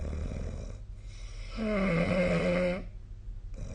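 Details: A single rough, rattling snore on the in-breath between quieter breaths, from a sleeping adult, recorded on 2025/02/22.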